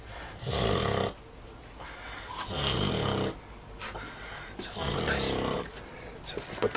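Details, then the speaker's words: Loud rough snorts with each breath in, about three in under seven seconds, from the eldest sleeping Vietnamese pot-bellied pig, a female of about 120 kg; snoring. "всем привет стоит такой храп пойду посмотрю кто там храпит"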